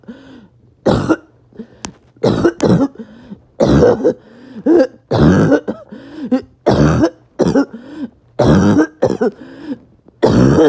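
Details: An adult's awful barking and wheezing cough after a bad 48 hours: repeated harsh, barking bursts with raspy, whistling breaths between them.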